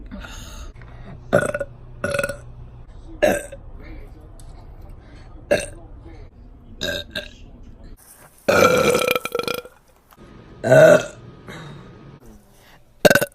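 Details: Compilation of burps from a girl: several separate burps of varying length and loudness, with quiet room noise between them; ordinary belching.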